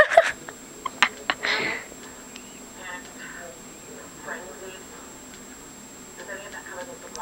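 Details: Hiccups: a few sharp, abrupt hiccups early on, then quiet room noise and soft background speech.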